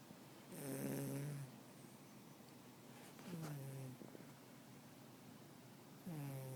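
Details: Three low, drawn-out snores, each a buzzing tone on the in-breath, spaced about every two and a half seconds, over quiet room noise; snoring.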